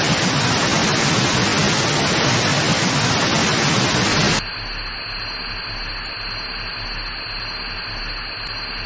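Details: Simulated tinnitus (ringing in the ears): steady loud hiss shifting to a thin high-pitched whistle over a soft rushing background, illustrating high- or low-pitched buzzing heard in the ear.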